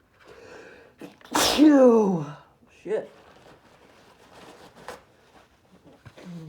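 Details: One forceful, explosive sneeze with a loud voiced cry, then softer sniffs and breaths, from a man in a strong sneezing fit deliberately induced by snuffing a nasal irritant that burns; a single hard sneeze.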